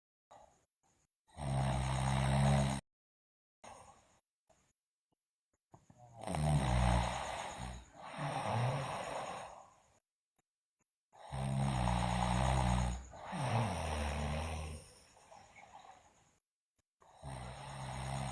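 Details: Loud, rough, rattling snores with each breath, separated by quiet pauses, from a sleeping girl; heavy snoring during sleep.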